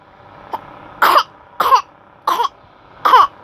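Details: Young child pretending to cough on purpose: one faint cough then four short, dry voluntary coughs.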